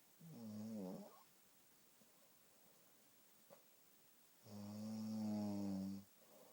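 Two loud, low, rattling snores on breathing in, separated by a quiet pause; typical snoring.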